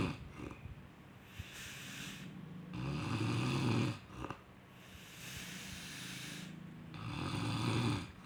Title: snoring sound